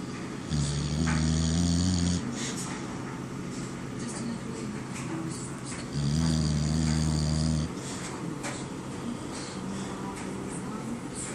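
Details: Daisy, a napping female bulldog, snoring with two long, loud, vibrating snores and quieter breathing between, over room noise.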